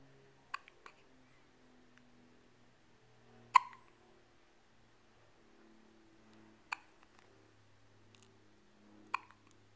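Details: Baby with hiccups: short, sharp hiccup clicks about every three seconds with fainter ones between, in a quiet room, while a parenting book about infant hiccups is read aloud in the background.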